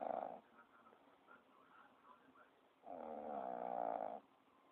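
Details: Sleeping dog snoring: a loud, drawn-out vibrating rumble on the in-breath, with quiet breathing between.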